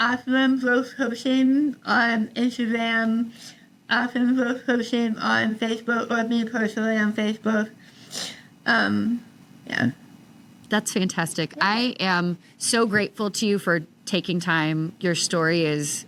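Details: Adult woman about 3 years after treatment for stage 4 tongue cancer: over half of tongue removed and rebuilt with forearm skin graft, neck dissection, 6 weeks radiation and chemotherapy; some listeners cannot understand her; altered articulation after partial glossectomy.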